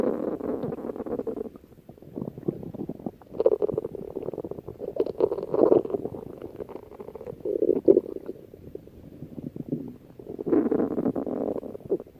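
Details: Stomach growling (borborygmi): repeated low gurgling rumbles from the belly as gas and fluid move through the gut.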